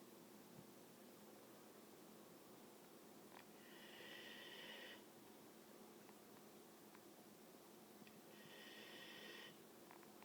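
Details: A sleeping puppy snores with slow, raspy, whistling breaths, about 13 per minute, likened to Darth Vader, over steady room hiss.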